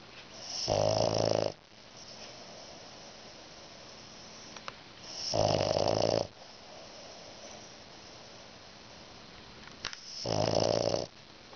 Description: フレンチブルドックのあめりのいびき。おとうさんの股の間でグーグー。いい気持ちで目を開けながらもいびきをかいています。